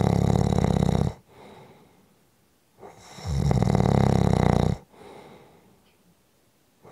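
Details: Heavy snoring: loud, harsh, rattling inhaled snores about 4 seconds apart, near 16 breaths a minute, with quiet breathing between.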